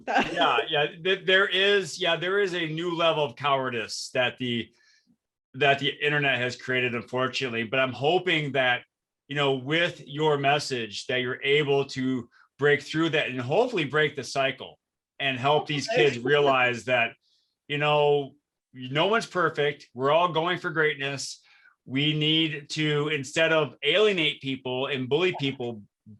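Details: Adult man speaking; ordinary speech.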